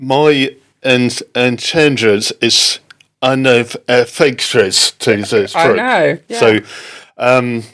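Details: Adult man left with aphasia after a stroke in October 2019, recounting an experience with halting, non-fluent speech: non-fluent aphasia.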